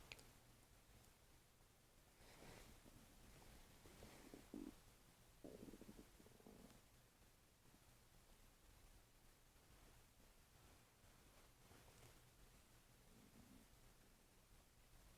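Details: Own stomach making weird noises: low, irregular gurgles and squeaky rumbles from the abdomen, ordinary active bowel sounds (borborygmi).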